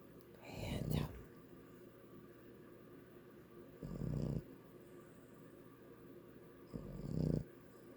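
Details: Boston Terrier snoring: three soft, low snorting breaths about three seconds apart, about 19 a minute, against quiet room noise; a sleeping dog's snoring.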